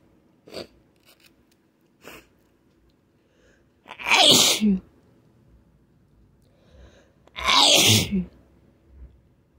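Small quick intakes, then two loud explosive sneezes a few seconds apart in a quiet room; repeated sneezing.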